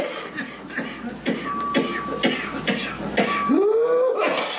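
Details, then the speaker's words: A child's rapid run of about seven coughs ending in a high, rising inspiratory whoop; whooping cough (pertussis) paroxysm. "It is hard to watch. The coughs are so rough in adults."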